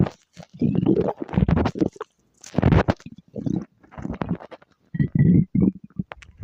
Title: stomach growl